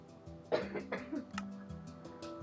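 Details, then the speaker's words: A child, the speaker's son who has a cold, gives a short run of three or four quiet, harsh cough bursts in the background under steady music. "my poor son has a cold. I don't know if you can hear him coughing in the background."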